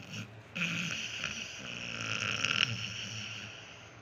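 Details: Labrador dog snoring while sleeping.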